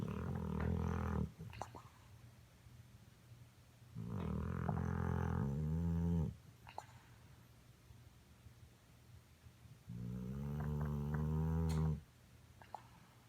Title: Jack Cartoon snoring